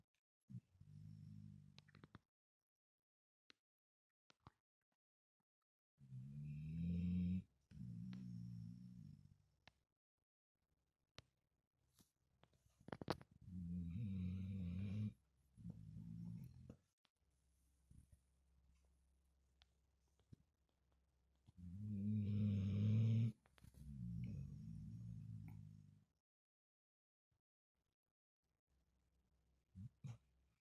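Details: Pet snoring while asleep: slow, regular low rumbling snores, about eight breaths a minute, in a quiet room.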